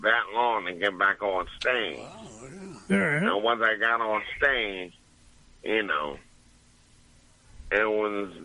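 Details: Adult man after two strokes, with his voice affected after the second, about two years of recovery and speech therapy with word-repetition practice; post-stroke speech impairment.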